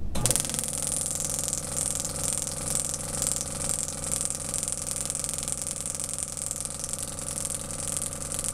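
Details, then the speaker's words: Shockwave therapy in a chiropractic office on a female patient with sacroiliac pain, muscular component first, preset shock number, intensity and frequency; rapid steady tapping pulses, about 3 to 4 a second, over a low machine hum. "treatment so that's a sample of how the Shockwave treatment works"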